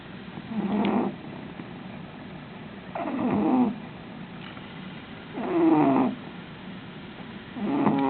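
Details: Sleeping female cat snoring: slow, rough snores on each breath, about 26 a minute.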